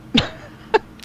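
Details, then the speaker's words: Two brief cough bursts from an adult man during a podcast recording, a smoker's cough. "Smoker's cough is endearing? Apparently. Usually I cut that out of the show because I don't think people want to hear that."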